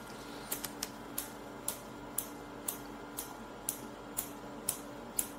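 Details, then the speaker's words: Focused shockwave applicator (Storz Medical) treating stage 1–2 knee osteoarthritis, started at minimum frequency and intensity, painless to the patient: sharp clicking pulses about twice a second in a quiet room, delivering pulses to one point. "Now we found one point and from here we need to deliver a certain number of pulses."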